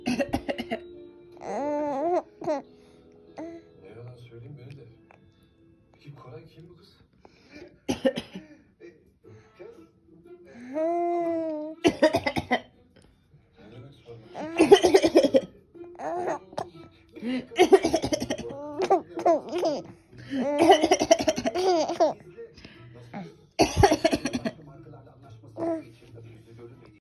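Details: Young child giving several short, loose coughs mixed with cheerful squeals and laughter-like vocal sounds, seeming happy while coughing; cough.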